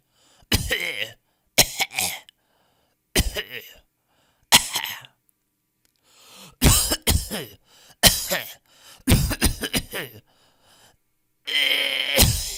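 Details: Stock audio of people coughing in different styles: about nine separate adult cough bursts, some single, some in quick pairs, in a quiet room.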